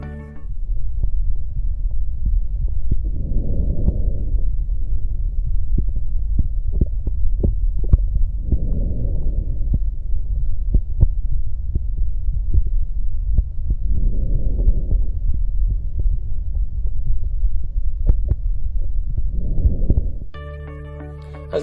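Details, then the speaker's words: Normal vesicular breath sounds over the lung: soft, low rustling breaths at about 11 per minute, a normal-pitched sound filtered through lung tissue to the chest wall. "y muy muy de pulmón ar es el ruido retire tono normal y filtrado a través del tejido pulmonar sus puntas sobre la pared tórax"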